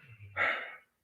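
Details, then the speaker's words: Sleeping pet dog described as a deep sleeper, with audible breathing and snoring while it stays asleep through spoken words. "snoring a snoring sleepy dog right she likes pretzels pretzels dog is oh she's a deep sleeper"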